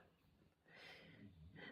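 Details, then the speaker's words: Dog snoring in the background, a single rough noisy breath over quiet room noise; snoring. "and you will hear my dog uh snoring in the background"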